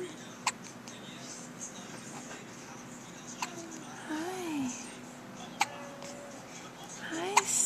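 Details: Four sharp, brief catches spaced a few seconds apart from a young infant, with soft baby sounds and room noise between them: infant hiccups.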